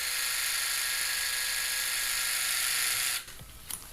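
A steady high motor whine for about three seconds, then it stops; a power wire driver inserting olive wires into bone.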